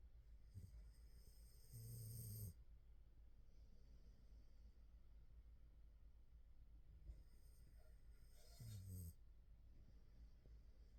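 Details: Two low, rattling snores a few seconds apart during sleep over steady background hum from a wave/white noise machine.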